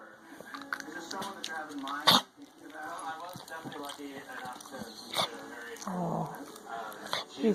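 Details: Dog named Little Bit gives a few short, harsh coughing bursts while a person speaks softly nearby, asking if the dog feels better.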